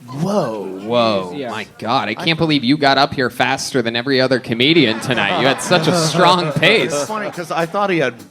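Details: Adult male speaker; no disorder.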